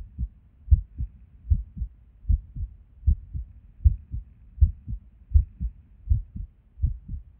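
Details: Resting heart recorded at Erb's point while sitting at a desk, heart often skippy with and without reason: heart sounds about 80 a minute with uneven spacing between beats; irregular heartbeat with skipped beats.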